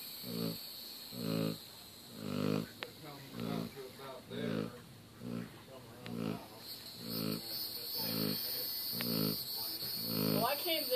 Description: Great Pyrenees snoring.